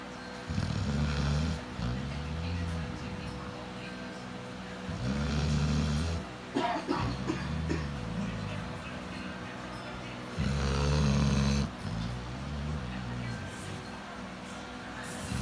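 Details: Dog snoring: deep, rumbling, fluttering breaths recur every few seconds, with background music.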